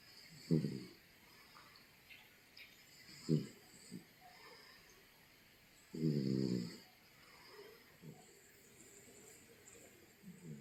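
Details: Cat sleeping on a bed, soft irregular short snorts and one longer buzzing snore against faint room noise; snoring.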